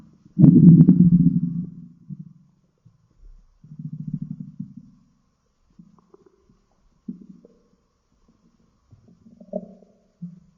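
Low gurgling rumbles come in irregular bursts, a long growl first and shorter gurgles after: ordinary stomach growling.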